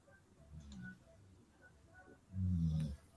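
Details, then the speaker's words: A dog snoring while asleep on the couch in the living room: two low, rumbling snores, a softer one then a louder one, over quiet room noise. "Rose is snoring on the couch in the living room. That's funny. I heard it."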